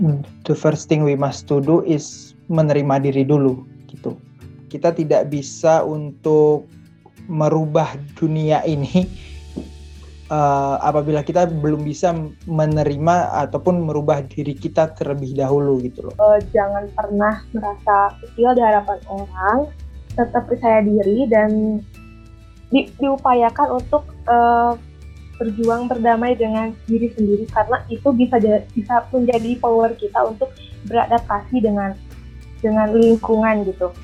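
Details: Indonesian stuttering community member, a person who stutters; stuttering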